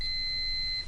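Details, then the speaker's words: Steady electronic alarm tone from an Applix Smart enteral feeding pump, the acoustic signal for an occlusion or an empty feed container. "If an occlusion alarm arises or a feed container becomes empty an acoustic signal"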